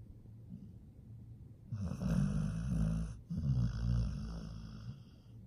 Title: Nomyen the pit bull is snoring [ASMR]